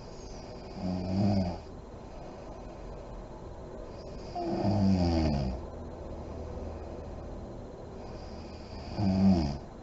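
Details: Adult woman (a mother) asleep with lights on, described as deep REM sleep: three deep, rattling snores about 15 a minute with quiet breathing between; snoring.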